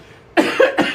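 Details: A brief run of two or three quick, dry coughs from an adult with a cold, after a moment of quiet; voice noticeably affected.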